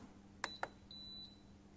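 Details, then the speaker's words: AJ15/16 dental chair hydraulic system reset, beeps signalling that all settings are finished: two clicks followed by a short, high electronic beep from the chair control. "you will hear two beeps then you'll finish all the settings"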